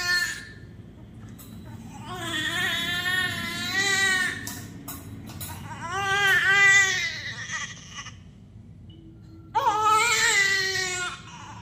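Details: Just-born newborn admitted to the NICU with a breathing problem: three strong, tuneful crying bursts with steady pitch and no hoarseness against faint room noise.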